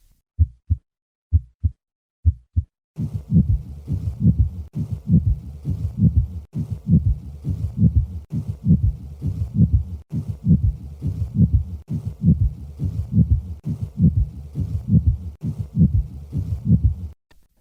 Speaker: the typical friction rub has two components but three component rubs may also be heard especially in uremic pericarditis listen to a three component friction rub i will start with three normal beats and then add the rub